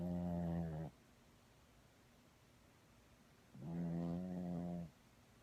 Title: Cheese snoring